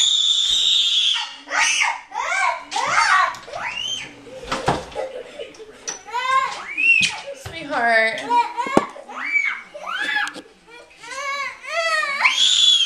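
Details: Young child crying, whimpering and screaming in repeated high-pitched bursts with short gasps in a small room, appearing scared and unwell; mother asks whether tummy hurts and suspects GI problems.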